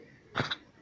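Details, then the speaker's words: A single short, husky cough from a dog; cough. "не кашляй. Не кашляй, у тебе от деда прийшов кашель, да?"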